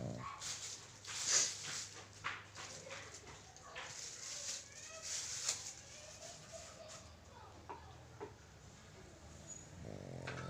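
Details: Pug snoring during sleep.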